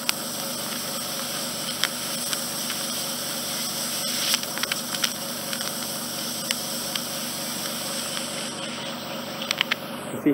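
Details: Endoscopic ear wax suction in a regular adult male client needing removal every 4–5 months; steady loud hissing with intermittent sucking crackles and pops as soft, near-liquid wax is cleared.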